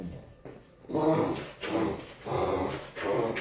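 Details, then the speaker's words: Repeated harsh snorting breaths, about four in a few seconds, from a small pet dog the owner says has something like asthma and sounds as if choking; it gets neck massages. "tenemos un perrito que le da como asma,"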